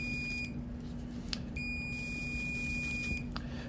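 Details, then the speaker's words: High steady electronic tones switching on and off over low room hum: electrocautery after shaving with a number 15 blade a suspected squamous cell cancer behind the left ear; atypical tissue weeps or emulsifies when cauterized. "now any of these diagnoses that were entertaining have typically a big blood supply just going to hear buzzing again Rec cauterizing"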